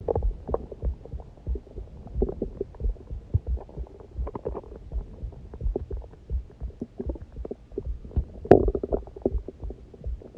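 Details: Irregular low gurgles and rumbles of stomach growling recorded through a heartbeat recording while the person was starving, the ordinary growling of a hungry gut.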